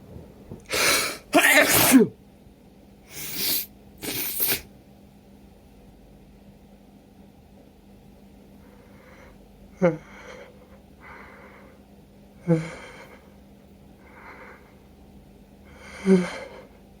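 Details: Person with a cold, sneezing and sniffling all day, nose irritated: four forceful sneezes in quick succession, then several softer sniffs and nasal snorts in a quiet room; sneezing fit.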